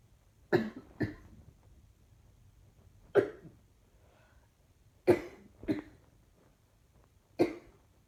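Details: Six short, dry coughs, some in pairs, over about eight seconds in a quiet room.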